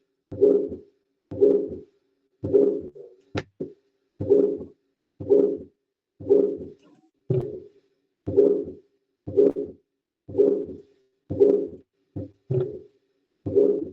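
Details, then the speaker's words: Recorded heart sounds in an auscultation teaching session: regular heartbeat near 60 a minute, each first sound followed by a soft whooshing noise, a systolic murmur. "Está perfecto tu en este momento tu percepción del sonido porque es un soplo sistólico."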